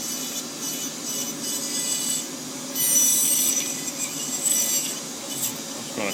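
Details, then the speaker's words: Dental lab repair of a denture with a broken-off tooth: a Fisher bur cuts retention grooves and a recess in the acrylic, giving high-pitched whirring and rasping grinding that rises and falls in bursts. "oh that's a little F I'm going go and cut that"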